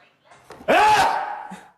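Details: A quick catch of breath, then one sudden voiced explosive burst tailing off over about a second: a single sneeze in a small room.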